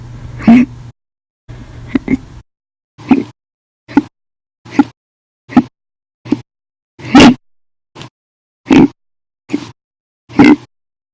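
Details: Hiccups after breakfast, lunch and dinner, described as violent, loud, silent and minute: short, abrupt gulping hiccups, about twelve in eleven seconds, some loud and some faint; audio only.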